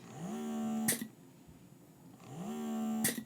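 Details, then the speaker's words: A motor hums and rises in pitch, ends with a click, pauses about a second, then repeats: a Motif Roam portable breast pump at level four in expression mode, slow suction cycle with breaks. "This is kind of the pattern that you're getting. Again, you've got those breaks in between, and it's just slow."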